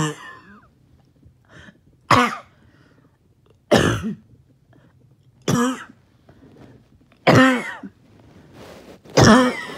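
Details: Person after a 20-minute workout or morning walk with trouble breathing: five harsh single coughs about every 1.5–2 seconds with quieter breathing between, choking cough after exertion.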